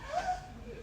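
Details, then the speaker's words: Imitated stridor: a brief high-pitched, harsh whistling breath made by squeezing the windpipe, demonstrated in a basic respiratory semiology class as a continuous adventitious sound. "y el estidor que lo pueden tratar de emular si se aprietan la troca"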